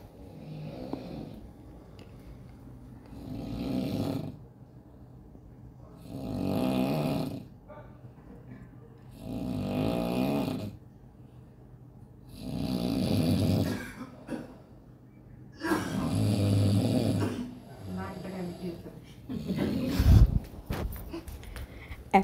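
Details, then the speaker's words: Snoring from a sleeping husband, with a father-in-law also sleeping on the other side: loud, low rattling snores roughly every three seconds, overlapping snoring from more than one sleeper. "এইটা হচ্ছে আমার husband ঘুমিয়েছে ও না ডাকছে"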